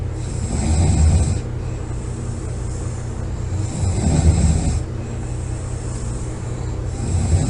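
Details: Loud, low, rattling snores with each breath in, about three over several seconds, separated by quieter breathing out.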